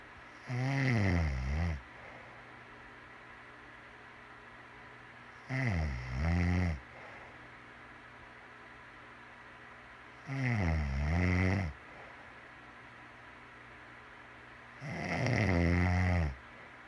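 Four loud, low, rattling snores, about 12 a minute, each followed by quiet pauses. Regular snoring.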